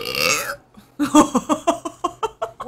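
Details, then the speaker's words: Female streamer belching: a drawn-out voiced belch, then a quick run of about nine short rhythmic burps after a pause; someone remarks burping means a gallbladder problem; burping. "you're going to get belching you're going to get burping that is a gall bladder problem"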